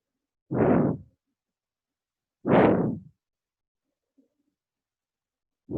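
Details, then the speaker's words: Stethoscope demonstration in a paediatrics lecture on acute bronchiolitis and bronchial asthma: rough, coarse breath sounds at about 30 per minute from narrowed, secretion-filled airways; rhonchi. "এই যে বাঁশির মতো শব্দ, wheezing. এই যে রংকাই যখন stethoscope দিয়ে শুনবো।"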